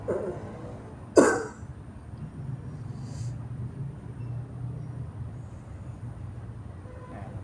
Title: Mengatasi Batuk Kering